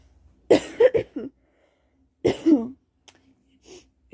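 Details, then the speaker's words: Cold, possibly flu, feeling unwell: two bouts of harsh, slightly wet coughing, several short bursts each, in a quiet room. "you can tell i got a cold but i can't really tell if it's a cold it might actually be the flu because i feel i feel horrible"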